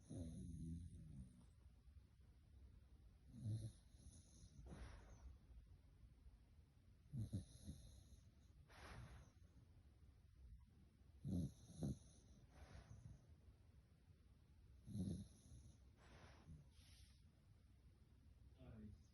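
Soft snorting breath noises recur about 16 times a minute over a faint hum; light snoring in a sleeping baby.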